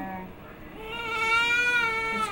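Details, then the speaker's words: Newborn in a hospital nursery being swaddled by a nurse: a rising, sustained, clear-toned wail, an ordinary healthy-sounding newborn cry. "It's crying again."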